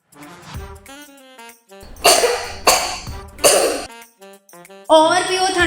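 Three harsh, acted coughs from a child in quick succession over light background music, followed by a jingle; a dry-sounding cough.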